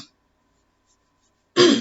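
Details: Brief, rough, voiced throat clearing by a 37-year-old adult woman after a long silence; she describes it as a tic when nervous.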